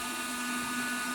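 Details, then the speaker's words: Helmet-based non-invasive ventilator running on CPAP at 15, helmet pressurizing during setup demonstration without a patient: steady loud rushing airflow with a constant hum. "and here it's essentially increasing the whole preferred to 15 both e5 ipad as it's running on cpap and then you can see uh the helmet will get pressurized if i just hold it"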